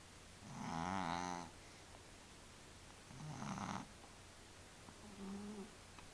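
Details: Three slow, rattling, tonal snores about ten breaths a minute over quiet room hum; a sleeping cat snoring.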